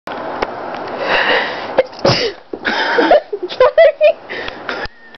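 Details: Rustling and play noise from a cat, then a single sharp sneeze with a sniff and a few vocal sounds afterwards; sneeze.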